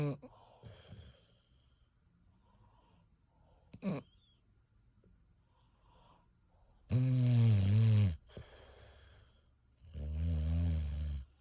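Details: English bulldog (male) asleep, snoring very loudly: two loud, deep, vibrating snores on inhaled breaths about three seconds apart, with quiet room noise between.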